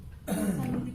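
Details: A 35-year-old male internal medicine inpatient gives a single forceful cough after a breath in, during a nursing student's chest physiotherapy and effective cough demonstration; a voluntary effective cough to clear secretions.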